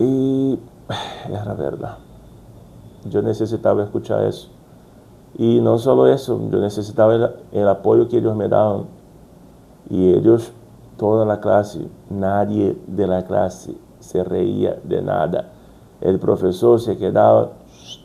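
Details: Brazilian adult man with stuttering since childhood, working to overcome it, speaking Spanish as a second language, with word repetitions; stuttering.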